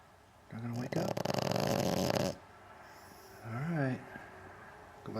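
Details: Sleeper that won't wake when called, snoring: a rough, rattling in-breath snore, then a shorter whistling, tonal snore in a quiet room.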